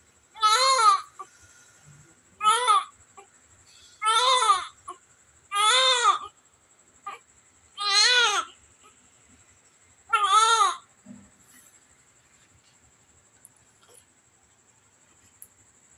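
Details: Six short, strong bursts of high-pitched crying separated by brief pauses, with faint room noise; vigorous first cry of a newborn after normal delivery.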